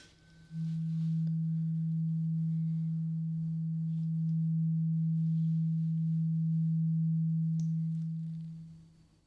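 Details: Simulated ear-exam roleplay, hearing test with eyes closed, patient reporting clogged ears: struck tuning fork giving a pure, steady low hum about eight seconds, then fading as patient signals when sound stops; tuning fork tone.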